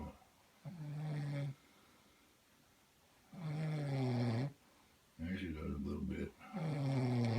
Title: Somebody snoring and it's not me. Happily.